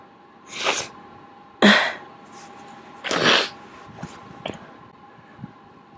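Three loud, explosive sneezes in quick succession, followed by sniffs and soft breathing.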